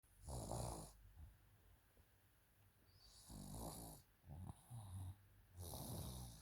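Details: Snoring during sleep: repeated rough, rattling snores with quiet pauses between breaths, from a girl who had a cough that day with no runny nose or fever.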